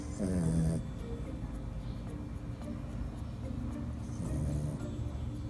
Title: Dog snoring while sleeping